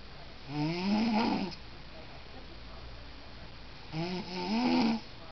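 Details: Adult woman snoring while asleep in a hotel room, secretly recorded by her partner: two long, rattling, tonal snores about three seconds apart, with quiet in between.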